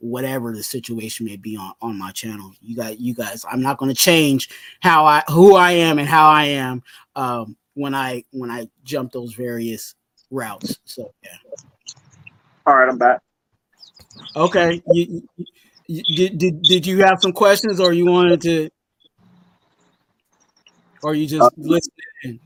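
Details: Adult man whose stuttering was severe in youth, now milder but still audible; stuttering.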